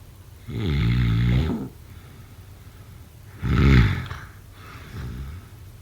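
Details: Loud, rough, vibrating snores, two strong and one softer, with breathy tails, in a quiet room; irregular sleep snoring.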